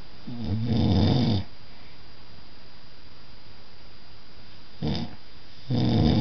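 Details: Loud rattling snores on breathing in from the uploader's partner, separated by quieter breathing, against steady room hiss; snoring.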